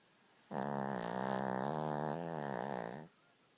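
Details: Snoring from Skipper, a 2-year-old Cavalier King Charles Spaniel, during sleep.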